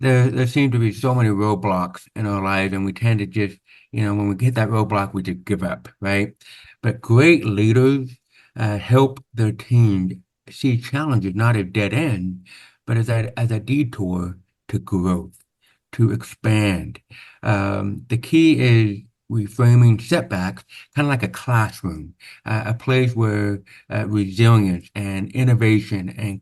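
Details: Adult man born with very severe to profound (about 90%) hearing loss, congenital onset, with over 13 years of speech therapy; real, not acted; deaf speech (hearing-loss accent).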